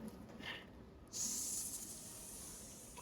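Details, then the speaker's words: Airway suctioning in a simulated emergency nursing scenario: airway obstructed, gurgling breath with blood in mouth, SpO2 88%, pulse 118; after a brief quieter moment a steady high suction hiss as remaining secretions are suctioned again. "sudah lepas cek apakah masih ada sekret Masih ada secret sedikit. Lakukan section lagi."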